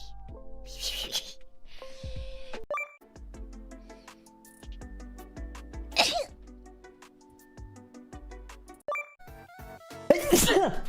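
Several sudden, forceful sneezes from different voices over background music, with brief apologies afterward.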